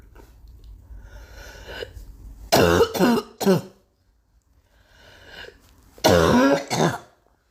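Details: Girl coughing: two bouts of loud, harsh coughing, three coughs then two, each preceded by a noisy breath in.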